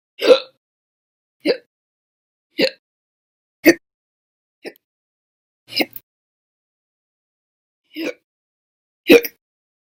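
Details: Hiccups, audio only, from a June 2020 recording of violent and loud hiccups: eight short, abrupt throat gulps about a second or more apart, irregularly spaced, in silence.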